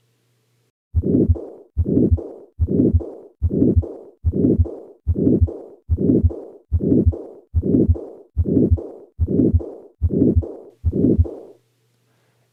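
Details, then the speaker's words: Combined aortic stenosis and aortic regurgitation murmurs, two murmurs superimposed, heard at the upper sternal border, where the aortic stenosis murmur predominates. "so what pathology is causing this this is combined a or text enosis and a or Decree Gurjit ation once more at the upper sternal border or the aortic stenosis murmur predominates"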